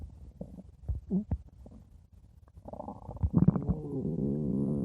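Low gurgles and bubbling rumbles building into a long drawn-out growl; ordinary stomach growling from gas and fluid moving through the gut.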